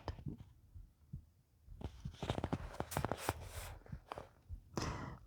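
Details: Soft, muffled low thumps of the reader's own heartbeat under faint room noise and quiet whispered reading; normal heartbeat.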